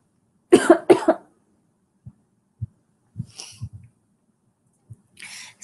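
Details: An adult woman who suspects she has the flu gives two harsh coughs, followed by softer breaths and smaller coughs.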